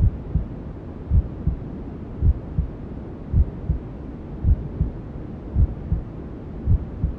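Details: Newborn sleep-aid ASMR: steady, muffled low thumps, about 54 a minute, under constant white-noise hiss, a mother's heartbeat as heard from inside the womb; maternal heartbeat with white noise.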